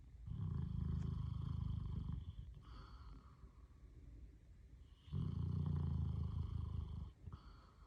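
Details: Male snorer whose snoring is getting louder, and the recorder suggests he needs a CPAP: two long, loud, low rattling snores on breathing in, with quieter breathing between them. Heavy snoring.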